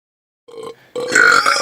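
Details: Adult men deliberately burping in a car: a brief throaty sound, then a loud, deliberate burp.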